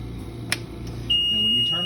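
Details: Steady high-pitched electronic beep as a home oxygen concentrator powers on for the first time, over faint room noise.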